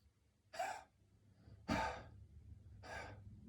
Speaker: Good, and the third stage is going to be like a huff, like this. 3 times.